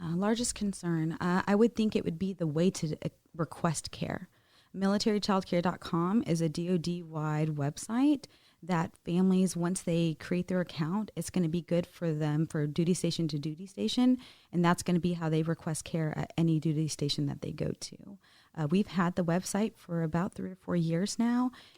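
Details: Adult woman; normal speech.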